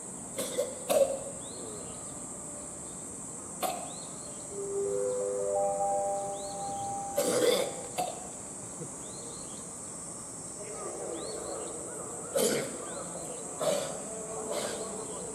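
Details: Several short, scattered coughs from a young female chimpanzee, born October 2017, after eating leaves, recorded July 2022, with insect buzz and brief music; cough.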